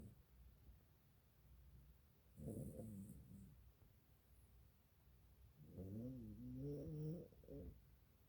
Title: snoring